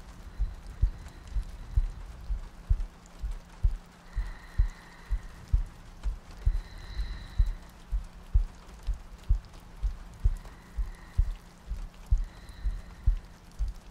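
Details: ASMR sleep-aid audio loop: regular soft low heartbeat thumps at about 64 a minute over rain ambience and faint soft breathing; steady heartbeat.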